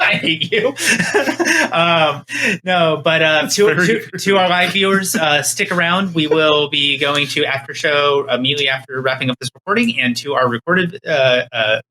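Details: Male podcast host with a stutter that a co-host teases; repeated hesitations while wrapping up the recording; stuttering.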